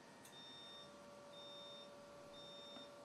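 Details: Faint high beeps about once a second over a steady hum and room noise, a class IV laser therapy unit signalling during treatment for back pain.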